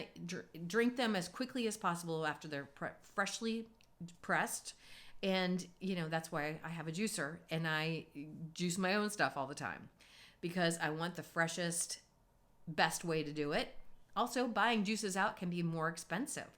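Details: Adult woman speaking; normal voice.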